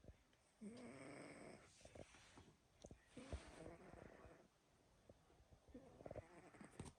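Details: Sleeping pet snoring: irregular rumbling snores and snuffles over quiet room noise, ordinary sleep snoring.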